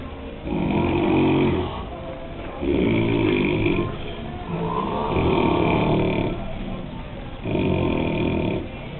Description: Among the guys at Week 2 of Mexico Mission Project, there were some pretty prolific snorers, as you can hear from this footage of an afternoon nap.